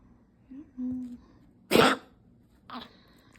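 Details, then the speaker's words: Yorkie dog coughing fit triggered by a bath, said to be chronic bronchitis rather than tracheal collapse: one harsh, forceful hacking cough and a weaker follow-up. "He's having a coughing fit. This is what I want you to hear cuz they're saying it's not trigger collapse. It's like some kind of bronchial infection, chronic bronchitis."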